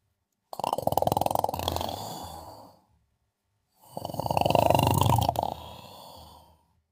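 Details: Elizabeth sleeping: two long, loud, rattling snores in a quiet room, each a fluttering buzz over two seconds with a pause between; snoring.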